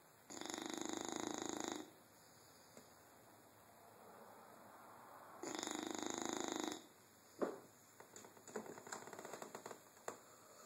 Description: Sleepy Bulldog snoring.